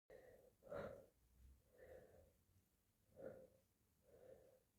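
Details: A person trying to hold back an allergy-type wet sneeze with a tissue takes four or five loud, hoarse, rushing breaths in quick succession, a noisy panting build-up just before sneezing.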